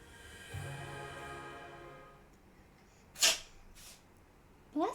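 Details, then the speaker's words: A cat named Cil, described by his owner as sneezing a lot, gives a sneeze; the owner says "bless you." "I don't know if you guys can hear it but my kitty Cil he sneezes a lot he's a Sneezy little boy"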